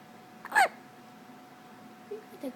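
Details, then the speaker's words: Infant hiccups: a sharp, brief voiced hiccup then two fainter catches in a quiet room; ordinary, harmless hiccups. "got the good hiccups. Oh my goodness."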